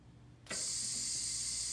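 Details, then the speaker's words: An anesthesia machine ventilator is deliberately pushed above a pressure of 20 in a demonstration. A sudden steady hissing, "farting" rush starts and holds: the high-pressure alarm, warning of pressure dangerous to a patient. "that noise that little I call it the little farting noise that is telling us our pressure is over 20 and that's a little dangerous for a patient we need to bring it back down"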